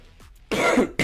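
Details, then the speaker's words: Adult with a half asthma attack from heavy, humid air and a nasal voice: a single harsh cough-like throat clearing after a brief quiet pause, with the start of a second burst. "excuse me uh yes the air is still very heavy in fact i'm having kind of like a half asthma attack this morning because the air is so thick"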